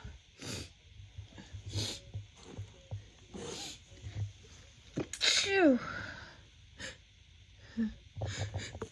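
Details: Several sharp sneezes in quick succession with sniffs between, from a female, her first sneezes of spring 2024, attributed to pollen.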